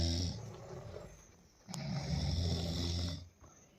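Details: Person snoring while asleep; friends were startled by the noise. Deep, rumbling low snores with soft room noise in the background.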